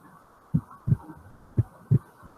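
Two regular lub-dub heartbeats, soft low thuds in pairs, at roughly 60 beats a minute, in a quiet background.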